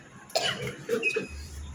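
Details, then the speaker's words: Adult woman with a severe cough, recent fever and paracetamol use, while out travelling: two short, harsh cough bursts over a low background hum. "কাশিতে কথা শুনতে পাচ্ছি না যাকে ভীষণ কাশি হচ্ছে"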